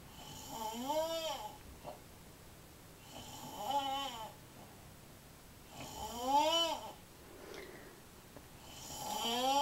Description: The most annoying/weird snoring sound ever.